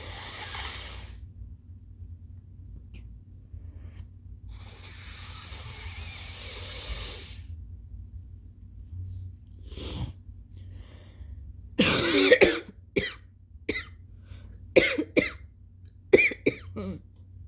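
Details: Two long nose blows, then a run of about eight loose, phlegmy coughs from a congested adult with a stuffy nose: wet productive cough.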